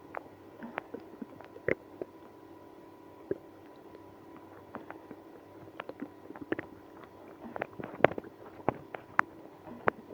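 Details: Stomach growling in a person with irritable bowel syndrome after drinking milk and prune juice. Scattered gurgles, squelches and brief belly rumbles over a quiet background: active bowel sounds.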